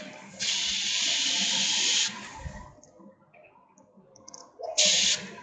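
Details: Bronchoscopy in a 48-year-old woman with malignant central airway obstruction (tracheal tumour, near-total occlusion) during electrosurgical snare procedure: two bursts of loud hissing bronchoscope suction separated by quieter room noise.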